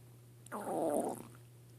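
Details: Stomach growling in a person reporting four days of painful belly discomfort: a brief, soft gurgling rumble over quiet room hum; borborygmi from gas and fluid moving through the gut.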